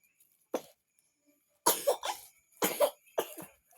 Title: coughing mga person